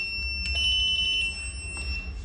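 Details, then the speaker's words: A portable Maestros biphasic defibrillator with ECG and printer, charging on mains power, is switched on and gives a steady high-pitched electronic tone with a couple of clicks as it passes its self-test. Defibrillator power-on self-test tone. "Machine ने खुद ही तो self test okay तो machine अभी okay है"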